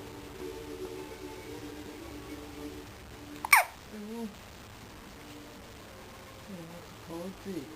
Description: Baby Hiccup sound